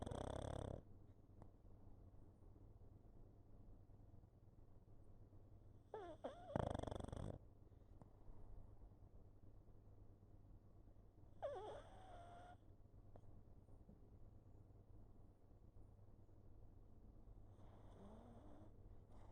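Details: Pug sleeping on a lap, snoring: three short, snorting breath sounds several seconds apart over quiet room hum; intermittent snoring in a sleeping flat-faced dog.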